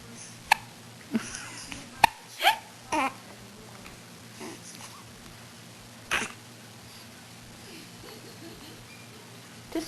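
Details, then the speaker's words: Baby girl who often has long-lasting hiccups, even falling asleep with them: several short, sharp breath catches at irregular gaps, about six in ten seconds, over quiet room noise, infant hiccups. "she's get hiccup problems like I do once I get hiccups I can't get rid of them throughout the whole day almost with her too she'll go to sleep with the hiccups"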